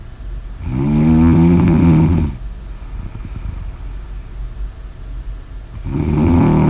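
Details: Loud, buzzing, fluttering snores on the in-breath over two breath cycles, with a quieter breath out between; typical heavy snoring.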